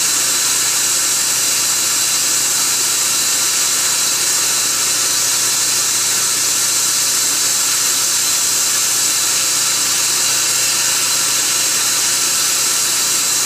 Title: Laser Assisted Root Canal on Upper Bicuspid #12